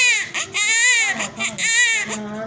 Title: My Sweet & Lovely Baby BOrn After Normal Delivery #newbornbaby #birth